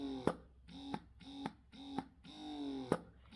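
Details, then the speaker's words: Rhythmic motor whir with sharp clicks from a Bellababy W40 wearable breast pump in mixed (variation) mode. Short, quick stimulation suctions alternate with a longer, drawn-out expression suction. "you can switch to the variation or mix mode and this is a mix between the short sharp um stimulation and the longer drawn out expression suctions"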